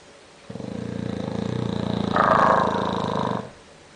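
One long, rough, rattling snore with a fast fluttering buzz, louder toward the end, from a sleeping bulldog.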